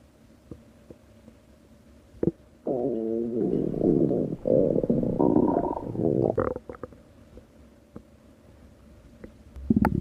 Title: tower of pisa stomach growling @JavierArturoRantsAtMaria @S1LLY_R5DFLOW3R_LOV3R_i8r